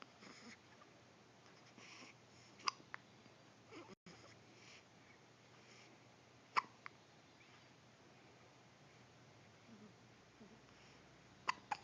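Faint, sharp, brief hiccup clicks at irregular intervals, about three over twelve seconds, in a quiet room.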